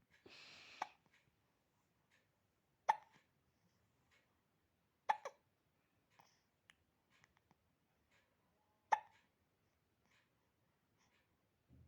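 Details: 8-week-old baby boy with hiccups: quiet, sharp little hiccups, irregularly spaced at about 16 a minute.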